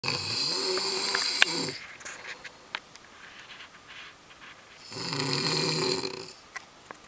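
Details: Man recorded while sleeping, two loud rattling inspiratory snores separated by quiet breathing: snoring.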